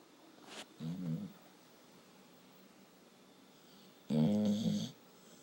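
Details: Tired dog snoring in sleep: two low, fluttering breaths separated by a quiet pause, the second louder and longer.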